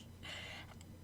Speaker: yeah sorry guys i have the hiccups i'm sure you can hear it i'm trying to muffle